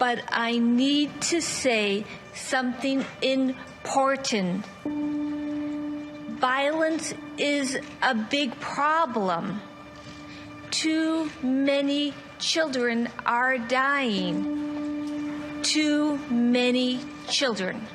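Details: Woman with aphasia from a left-side brain gunshot wound in 2011, giving memorized testimony about two years later after weeks of practice with her speech pathologist; aphasia.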